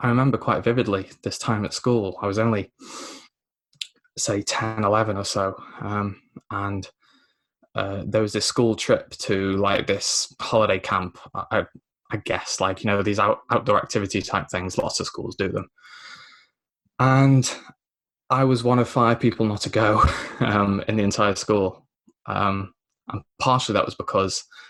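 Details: Lifelong stammer (dysphemia), mainly blocking, in a 24-year-old man, a self-described recovering stammerer who had professional help including the McGuire programme at 15.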